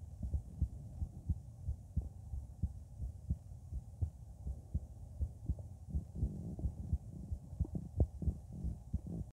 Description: my heart was pounding. so I recorded it at Erb's point. you can hear a systolic murmur at 00:12, 00:17, 00:23 and whenever I breath in.